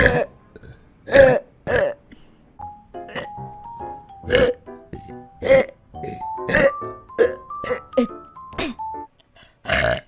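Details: Vtuber compilation of several loud voiced belches between stretches of background music and brief talk; repeated burping.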